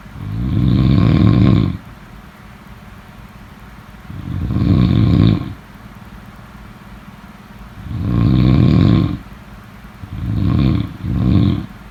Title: #snoring #snoringsleepingsoundeffect #snoringsounds #sleepsounds